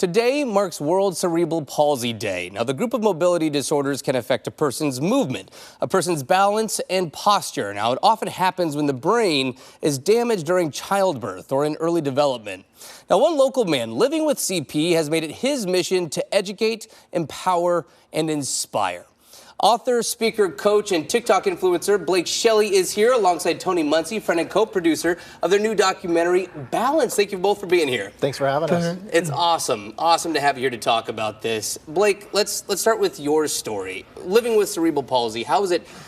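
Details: Adult news presenter; Typical adult speech.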